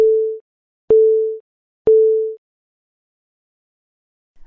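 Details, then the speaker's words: LifeVest wearable cardioverter defibrillator startup on inserting a charged battery: three short, clear, repeated gong tones about a second apart, accompanied by vibration, signalling the patient to press both response buttons to activate. "When you insert a charged battery in LifeVest, the startup process will begin. You will hear a repeated gonging sound and feel a vibration."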